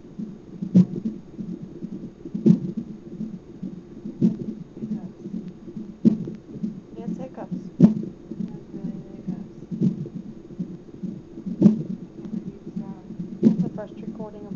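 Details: A baby's hiccups heard on a hospital monitor while the mother was at the hospital for stomach pain: a steady low whooshing pulse with sharp jolts roughly every two seconds, about eight in the span.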